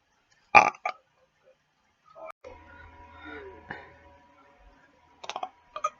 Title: burps then im breakin it down